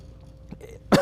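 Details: An on-air cough attack during a live 6 AM weather broadcast: quiet studio hum and a faint throat noise, then one loud, abrupt cough at the very end.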